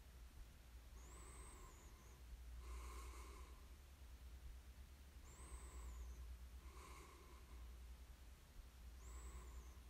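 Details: Rhythmic snoring on inhale and exhale, about 15 breaths a minute, over a steady low room hum, recorded as sleep ASMR; snoring.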